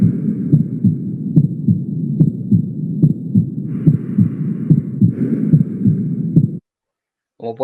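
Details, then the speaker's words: Aortic stenosis murmur at about 72 a minute: a soft systolic murmur, diminished at the aortic focus and described as louder at the mitral focus. This is the Gallavardin phenomenon. "Sí en resumen el fenómeno de gayabadín es el fenómeno por el cual un soplo aórtico por estenosis aórtica se escucha más intenso en el foco mitral"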